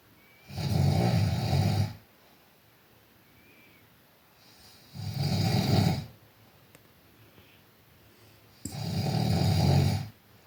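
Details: Sleeping white German Shepherd dog: three long, rattling snores on breathing in, about four seconds apart (roughly 15 a minute); ordinary snoring.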